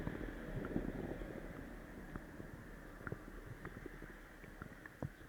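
Quiet bubbling and gurgling with scattered pops over low rumbling noise; active bowel sounds after a laxative.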